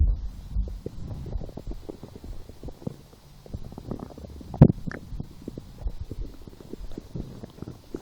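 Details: Continuous low gurgling and bubbling from the belly with irregular pops, heard lying down about 4 hours after eating two doughnuts following a skipped breakfast and small lunch; hunger-related stomach growling.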